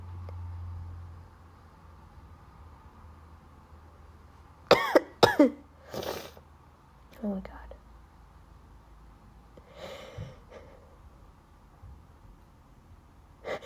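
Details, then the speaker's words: Person sneezing from allergies, possibly due to their cat, after a recent cold that has resolved: several short dry cough bursts in quick succession, then softer ones, in a quiet room; hard to talk while coughing and needing to sneeze. "sorry I don't know why I'm coughing but like it's it's really it's really hard to like talk when you and you have to sneeze"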